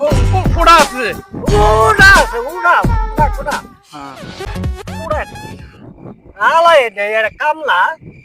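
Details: Stuttering imitated by actors in a comedy skit about two people who stutter, not real; finding: stuttering (imitated).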